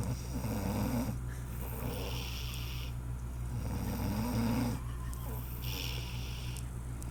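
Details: Woman (sister) snoring while asleep: low rattling snores with a breathy hiss between them, over a steady low room hum.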